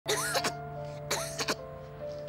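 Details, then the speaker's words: Child coughing in an acted TV drama scene, two bouts of harsh, voiced coughing over steady background music; described as coughing heavily, untreated because the family could not afford a doctor. "gariban da köhür köhür öksürüyor. Doktora da götüremedik parasızlıktan."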